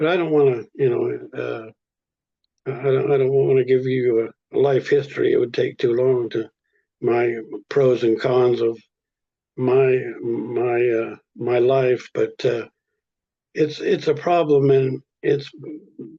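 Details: Stuttering in a 79-year-old man, present since childhood, who attended an intensive stuttering program; word repetitions; stuttering.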